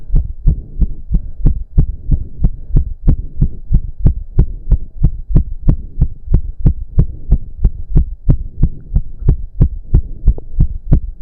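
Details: Male during a roughly 15-minute intense cardio workout, with heavy breathing. Rapid, regular, strongly pounding heartbeat of about 180 bpm; reported close to 200 bpm. Exercise-induced sinus tachycardia.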